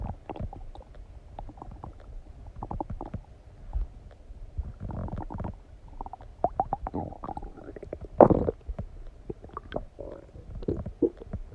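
Irregular gurgles, squelches and low rumbles from an adult abdomen during digestion after a meal.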